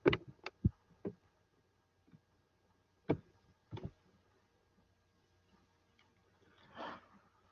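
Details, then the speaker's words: Mouth-made imitation of crackles (rales), scattered small clicking sounds like those heard by stethoscope in a respiratory patient, given while teaching on acute bronchitis; not a real patient recording. "Yes, it's like a small clicking sound. When you hear the person with stethoscope, you will get this"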